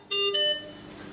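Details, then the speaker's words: Anaesthesia workstation check, oxygen pipeline disconnected with O2, nitrous oxide and air flows at mid-range: brief two-tone electronic oxygen supply failure alarm chime that then fades. "Disconnect the oxygen pipeline. See that nitrous oxide and oxygen flows reduce consistently, but oxygen flow comes down the last. Air flow continues and oxygen failure alarm should go"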